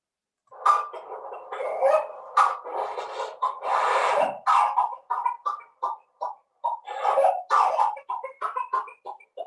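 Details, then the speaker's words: A pediatric lecture demonstrates whooping cough (pertussis) in a child: rapid runs of harsh coughs with strained, crowing intakes of breath. "и кашель при коклюше у детей"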